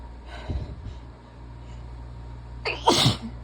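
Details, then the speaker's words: Quick inhaled catch, pause, then one loud sneeze stifled by tight covering; from someone sick and very sneezy that day. "I am covering these pretty tightly because they're just so loud when I'm sick and my poor neighbors have been listening to this since November"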